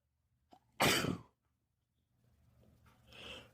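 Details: Sneezing fit at a house with two cats, after feeling the urge for a while: a brief catch of breath, then one sharp, explosive sneeze and a softer breathy sound.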